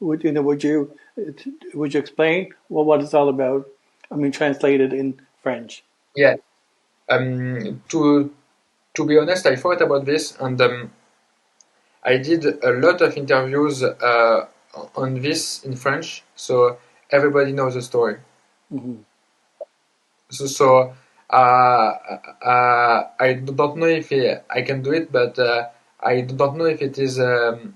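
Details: Severe stuttering since childhood in a man who also has dysgraphia, dyspraxia and ADHD; word repetitions and hesitations while speaking English; stuttering.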